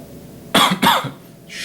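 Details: A man coughs, saying he coughs when nervous, while another man tells him to stop; cough.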